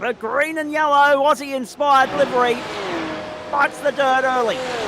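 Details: Adult male commentator; normal speech.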